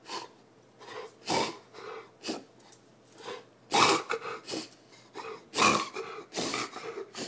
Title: Kyla kennel cough